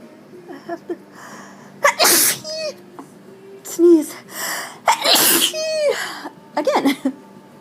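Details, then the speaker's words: Sneezing fit: several loud explosive sneezes in close succession, with gasps and apologies between; the sneezer guesses allergies are the cause. "Oh God my allergies are my allergies so Bad I'm at least guessing That's what it is"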